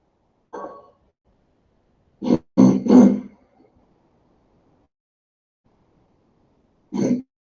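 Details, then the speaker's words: Chronic cough of at least 12 years, since before the pandemic; rhinosinusitis, reflux and asthma (spirometry, two weeks of peak flow) worked up without relief; four or five short, dry, throaty cough bursts, some clustered, then one more. "Es una persona que tiene una tos. Esto te digo hace por lo menos 12 años, ya, prepandémico."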